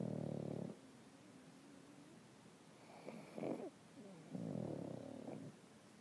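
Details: Pugs snoring together: rattly, snorting breaths with whistling squeaks between them from more than one sleeping dog; snoring.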